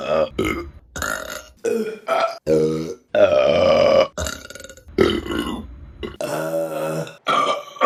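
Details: Burping compilation: a run of long, loud, voiced croaking belches, one after another with short gaps, with background music.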